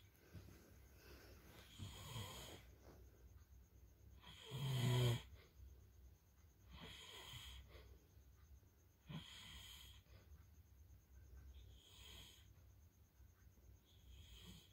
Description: Disatu sisi Suara Dengkuran Level 3